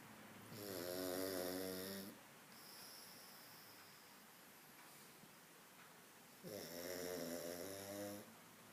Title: Kevin the snoring pug